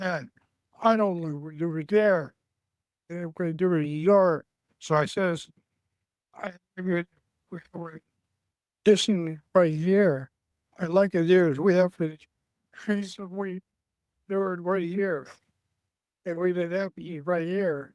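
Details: Male aphasia support group member, in a stroke survivors' series, described as having severe aphasia, communicating mostly with pictures, symbols and his phone; aphasia.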